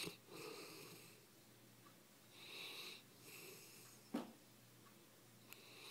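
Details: English mastiff napping, snoring softly and rhythmically with a whistly, wheezy edge on each breath and a faint snort in a quiet room.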